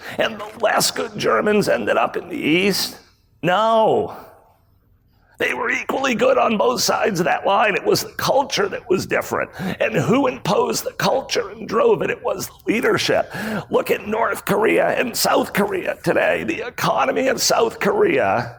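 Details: Spasmodic dysphonia, a rare voice disorder acquired in 2010 by an adult male CEO; throat muscles spasm and contract when he talks, sometimes making speaking difficult.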